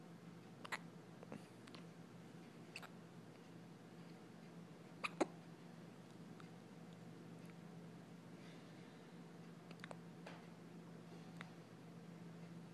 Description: My 2 week old baby girl has the hiccups